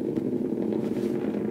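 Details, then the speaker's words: Needle EMG of the calf muscle (S1–S2) with normal insertional activity, foot pushing down fully like a gas pedal: dense, steady crackling roar filling the screen; normal full recruitment of motor units. "it's filling the screen and the units look normal"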